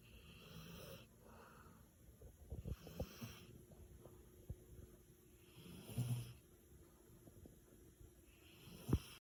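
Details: Sleeping dog snoring, described as snoring very loudly and keeping someone else awake: quiet, irregular snuffling breaths with faint rattly snores and a few snorts, about 20 a minute, over low room noise.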